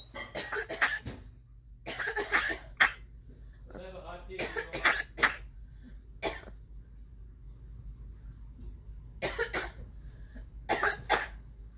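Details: African grey parrot mimicking a child's cough: repeated short, sharp cough-like bursts.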